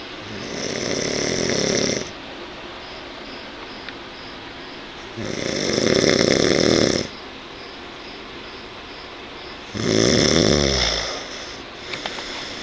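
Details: Overweight, hairy older man snoring in bed: loud, rough snores on each in-breath, about every four to five seconds, with quiet pauses between; ordinary heavy snoring.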